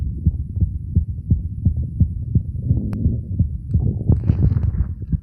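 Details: Steady low thumping heartbeat with some rubbing noise, near 85 beats a minute, from a male self-recording with a phone at the chest auscultation spots; normal heart sounds.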